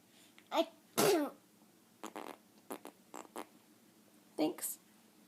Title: Fake sneezes